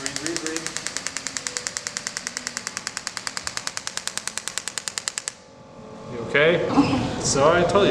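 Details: Shockwave therapy applicator firing on the heel at a first physical therapy session two days after a PRP injection, described as painful: rapid, even tapping pulses near 10 a second that stop abruptly, followed by talk.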